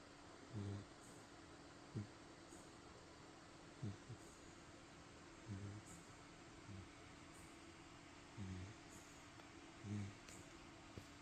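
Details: A dog snoring in its sleep: soft, low snuffling snores repeating every one to two seconds over a steady background hum.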